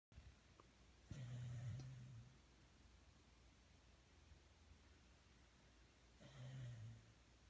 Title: Jebus Snoring 2